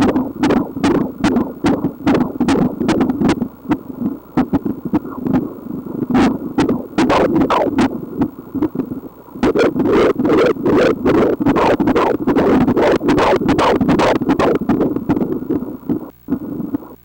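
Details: Rapid, regular whooshing pulses at about 150 beats a minute, a fetal heartbeat on ultrasound Doppler at 18 weeks of pregnancy.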